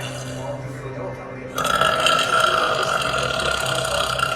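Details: Loud, long drawn-out burp following quieter talk, faint music behind; girl burping, from a social-media clip compilation.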